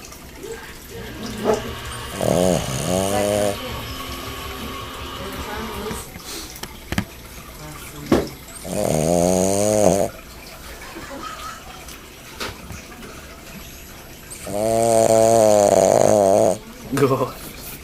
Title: SPARKY THE BOSTON TERRIER SNORING